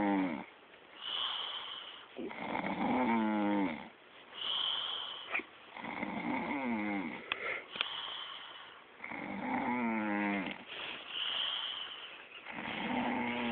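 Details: A young woman snoring while asleep, recorded without her knowing: loud, rattling snores on each in-breath, about 18 a minute, with quieter breathing out between them.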